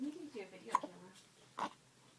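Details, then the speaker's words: Infant hiccups on waking in the morning, interrupting attempts to smile: two brief sharp catches about a second apart breaking up soft baby vocalizing. "So I can't smile and I have the hiccups. Nope. Yeah. Kinda. Yeah. Silly hiccups messed up my smiles this morning."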